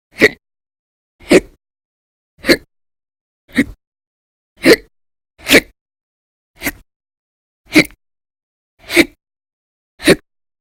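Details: Persistent violent, very loud hiccups in episodes lasting about 10–13 hours a day through December 2019, audio only: ten sharp, abrupt hiccups in a row about once a second, silence between.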